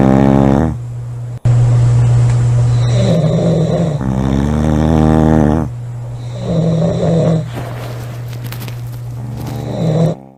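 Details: Two girls snoring hard: very loud, deep, rattling snores with a buzzing, vibrating tone on each breath, in long runs with brief gaps; snoring.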